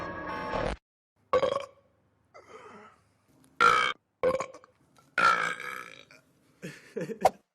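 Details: A series of loud, voiced belches with short silences between them and music in places, from a compilation of TV commercials: burping.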